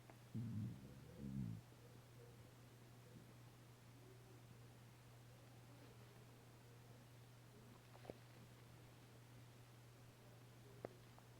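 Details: A short gurgling rumble at the start, then quiet with a steady low hum; gas-filled stomach rumbling.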